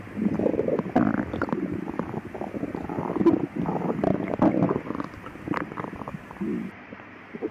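Loud, continuous gurgling and rumbling from the belly with bubbly, watery runs and low moaning tones, fitting active bowel sounds (borborygmi).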